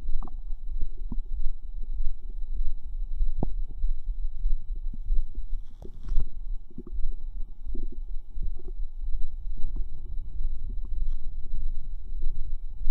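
Low, irregular gurgling and bubbling rumbles throughout, with occasional squelching pops. These are ordinary bowel sounds of digestion.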